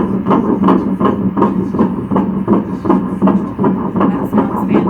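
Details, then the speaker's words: Fetal heartbeat on first-trimester ultrasound at 9 weeks 5 days after frozen embryo transfer, crown-rump 2.92 cm, rate stated 165: rapid, regular whooshing pulses, seen as a flicker, normal. "babies drop measuring perfect nine weeks five days 2.92 centimeters heartbeat is that flicker right there"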